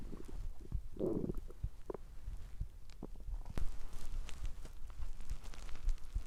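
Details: Low gurgling rumbles and soft bubbling from the belly with one louder growl; ordinary human stomach growling (borborygmi).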